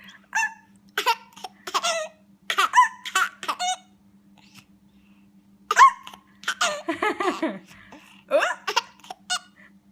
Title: Hiccups and giggles.